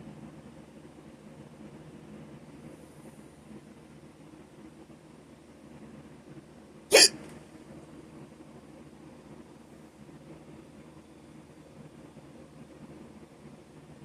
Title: Short hiccups - audio only